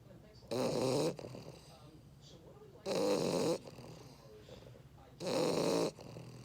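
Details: English Bulldog snoring while asleep: three loud, rasping snores in about six seconds, roughly 25 breaths a minute, with quiet exhalations between.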